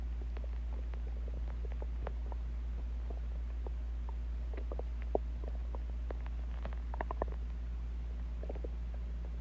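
Scattered soft gurgles and squeaks over a steady low hum: ordinary stomach growling, normal bowel sounds.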